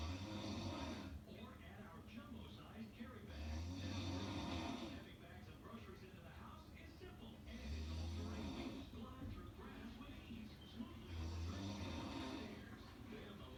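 Rhythmic low rattling snores on each breath, about four in the recording, with a television or talk playing in the background.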